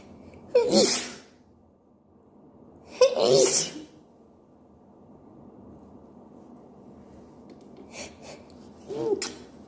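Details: Person with a cold, possibly hay fever; two loud explosive sneezes a few seconds apart, then a softer third; repeated sneezing.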